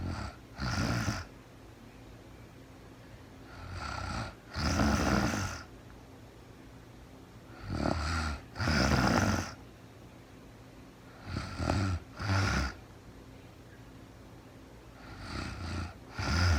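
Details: Real-time recording of a woman asleep at night after being very tired, no talking, described as REM sleep: rhythmic rattling snores in paired inhale-exhale bursts, roughly 15 breaths a minute, quiet room; snoring.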